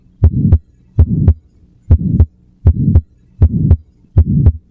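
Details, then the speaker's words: Innocent murmur in a child or young adult: a soft, gentle systolic murmur at the left sternal border, louder lying down and disappearing on standing; regular heartbeat near 79 a minute. "And the answer is innocent murmur, benign, harmless, very common."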